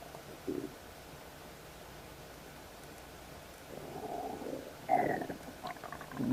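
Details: Loud stomach rumbling in a woman just after eating ribs and a salad, while on her period: a quiet room, then a brief gurgle and a drawn-out, loud bubbling rumble; ordinary borborygmi after eating.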